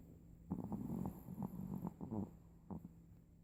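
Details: Small dog snoring while asleep: short, low, rattling snorts with a soft fluttering quality during sleep breathing.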